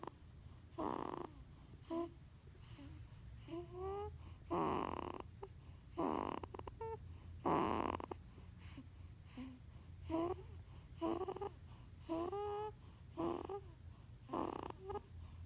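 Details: 15-day-old newborn girl sleeping: rhythmic noisy breaths with snorts and short grunting sounds, about fifteen breaths, sounding like snoring and grunting at once; harmless newborn sleep noises.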